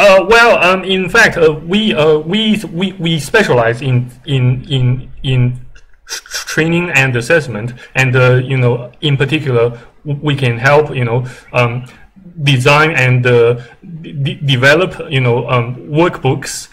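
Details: Stuttering during a cold business call, described by the speaker as maybe a bit less stuttering than before.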